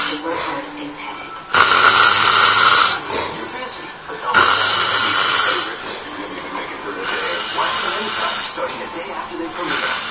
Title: Snoring